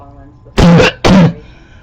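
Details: Barking cough recorded close up in 2014, same cough as in an earlier recording: two loud, harsh, hollow cough bursts in quick succession with a seal-like bark quality.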